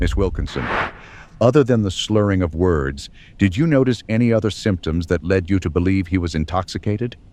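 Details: Adult male speaker, acted courtroom show; normal speech.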